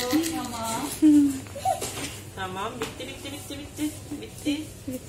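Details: Two-month-old baby born prematurely, crying after three injections at his second vaccination: repeated high-pitched wailing cries with short gasps, amid adult voices and clatter.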